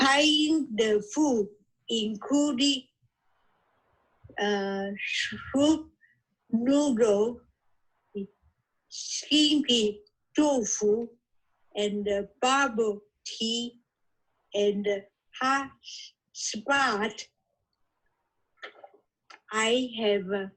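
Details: Aphasia in an adult woman originally from Taiwan, reading her own recorded podcast during an intensive reading and writing aphasia therapy program.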